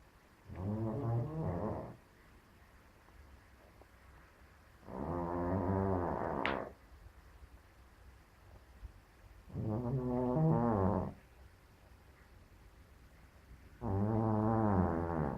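Four long, deep, rumbling snores, about 14 a minute with quiet gaps between: loud snoring in a sleeping cat.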